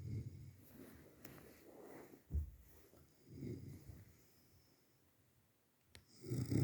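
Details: Repeated low, rough rumbling breathing sounds with quiet gaps between them in a small room, in a comedy video: snoring.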